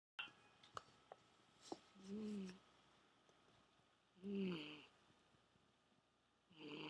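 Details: Sleeping cat snoring: soft, low, buzzing snores with each breath, about 27 a minute, with a few faint clicks in between.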